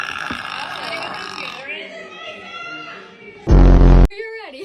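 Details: A girl burping in a TikTok clip: one loud, deep burp after background music and talk.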